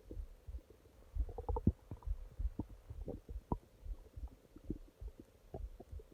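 Quiet, irregular low gurgles and pops in a hushed room: ordinary stomach growling, normal bowel sounds.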